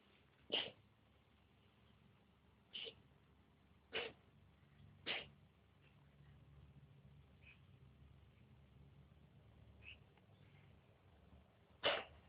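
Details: A pet cat coughing: about five short, sharp, dry coughs over twelve seconds in a quiet room; the owner jokes she sounds like a smoker.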